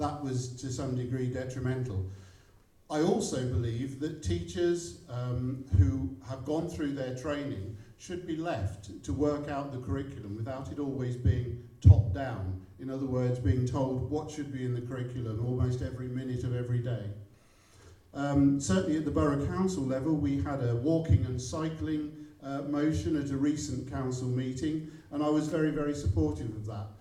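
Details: Adult male speaker; normal speech.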